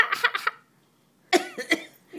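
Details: An adult woman gives brief deliberate fake coughs on request, two short clusters separated by a pause; voluntary cough.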